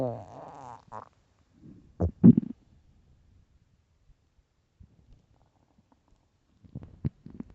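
Short, loud gurgling and bubbling growls with quiet gaps in between. Stomach growling on an empty stomach.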